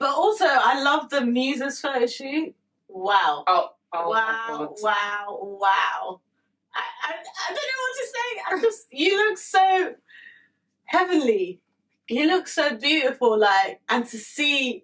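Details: Adult woman speaking; Normal speech.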